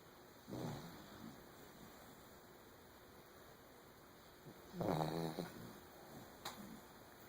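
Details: Two sleeping puppies snoring: soft, brief snuffling snores at irregular intervals over a steady background hum.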